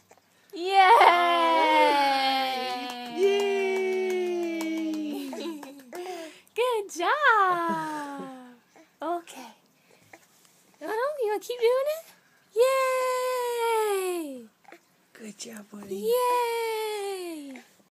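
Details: Whiny, sliding cries broken by pauses and short voiced sounds from an infant unhappy with tummy time and probably tired: infant fussing cry.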